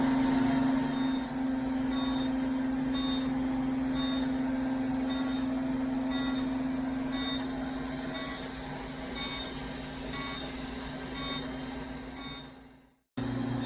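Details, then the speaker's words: Fractional CO2 laser skin resurfacing for skin tightening in a plastic surgeon's office, using a device with a deep core and a mid-mode (two lasers in one): a steady low electrical buzz with soft, regularly repeating beeps, ending in a brief dropout. "The CO2 laser fractional also comes, if you're trying to get more horsepower out of it, you'll use one laser that has a deep core that goes a lot deeper than the rest of it and a second part that does a mid-mode. So, you're getting two lasers in one."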